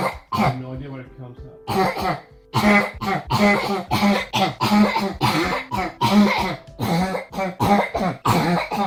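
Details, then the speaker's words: Habit cough (somatic cough syndrome): a repetitive barking cough in a child that is absent once asleep, which is the diagnostic criterion. "the repetitive barking cough that is not present once the child is asleep is the diagnostic criteria while cough may interfere with falling asleep the cough gone once asleep is the diagnostic C"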